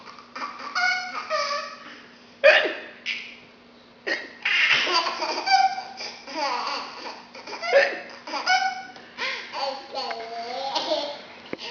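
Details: Fake hiccups from an adult woman, imitated to amuse a laughing listener: a few abrupt, sharp hiccup sounds among giggling and laughter.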